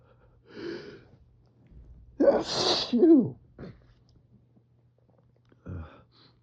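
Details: Adult with spring pollen allergy sneezing while reading aloud beside an open window: a sharp inward gasp, then one forceful explosive sneeze and a brief follow-up breath, in a quiet room.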